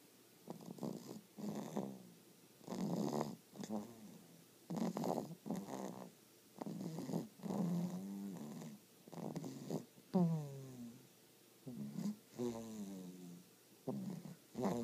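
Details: Sleeping baby snoring: soft, rapid, fluttering snoring sounds on each breath, with brief quiet gaps between them.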